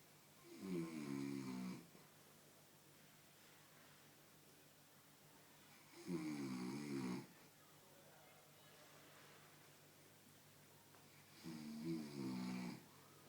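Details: A person snoring while asleep during prayer: three long, rattling inhaled snores about five seconds apart, roughly 11 breaths a minute, with quiet breathing between.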